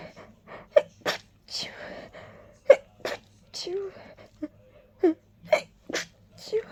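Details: A rapid run of sharp sneezes, about eight in under seven seconds, with quick breaths drawn in between; desperate rapid sneezing from a tickle.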